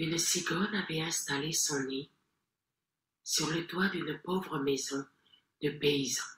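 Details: 68-year-old man with bilateral vocal fold immobility; true fold vibration not restorable, so ventricular fold voice trained; after five therapy sessions using only a beatbox app, replacing initially very breathy voice; ventricular fold (false vocal fold) phonation.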